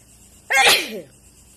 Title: Sexy wide nose sneezes.